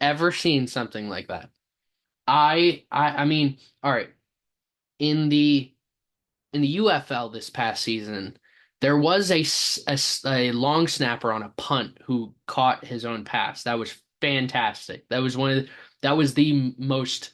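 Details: Stuttering in an adult male sports podcast host who says he has a stammer.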